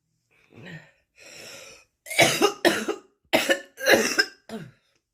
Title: bad smokers cough